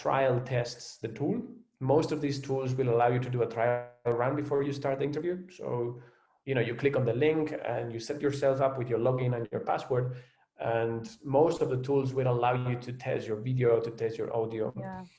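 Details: Adult man speaking; typical speech.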